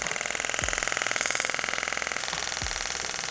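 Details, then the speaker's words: Loud fast steady mechanical hammering about two pulses per second with hiss and buzz: radial shockwave therapy device (compressed air) moved over skin with cold lotion at low energy, patient rating sensation about 5/10, not painful. "now I'm gonna turn this machine on in a moment and um might be a bit loud but the machine is delivering pulses of compressed air and sound waves but the patient is going to interpret it as electrical impulses"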